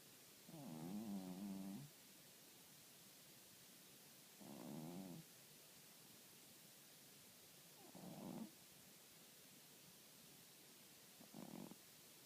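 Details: Four rough, buzzing snores on in-breaths, about 20 a minute, separated by quiet pauses in a still room; snoring.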